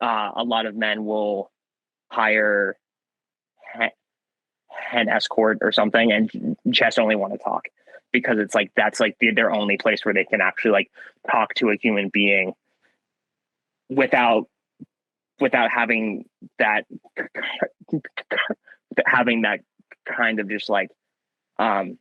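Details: Young man with stuttering since childhood that varies in severity; he sometimes swaps words mid-sentence to avoid getting stuck.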